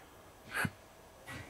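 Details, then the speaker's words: Bag-valve-mask ventilation of a CPR training manikin, in a demonstration of hyperventilation risk: the bag is squeezed, heard as a single soft rush of air followed by a faint release. "now i will squeeze the back firmly now you can see chest rise and fall right now"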